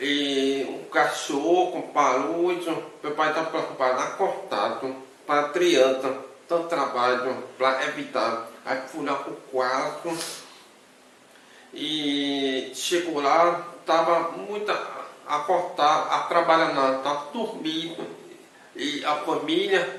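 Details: Man with hearing loss since birth; deaf speech.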